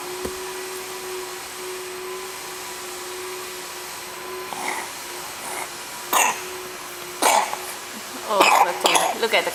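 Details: Young child, sick but still playful, gives several short, abrupt coughs over a steady humming background noise.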